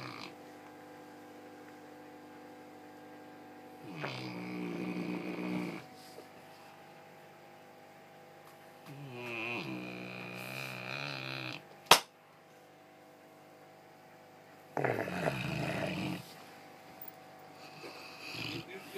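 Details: A sleeping Dogue de Bordeaux dog: three long, rough, rattling snores spaced several seconds apart over a steady room hum; snoring.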